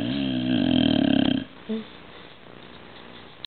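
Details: Snoring loudly on medication the day after surgery, feeling unwell: one loud rattling snore on an in-breath, then quiet breathing with faint background noise.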